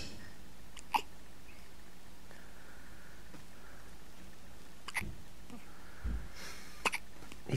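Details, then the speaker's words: Faint, brief, jerky catches at irregular intervals in a quiet room: hiccups in a one-week-old baby boy. "here is look the old man's got hiccups been drinking too much haven't you hmm yep I"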